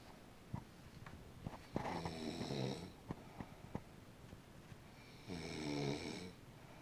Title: My baby snoring!!